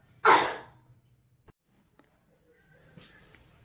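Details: Nursing-procedure demonstration of deep-breathing and effective-cough training with a patient addressed as a woman: after breathing in deeply and holding, one strong, deliberate cough followed by quiet breathing and faint room sounds; an acted airway-clearing cough.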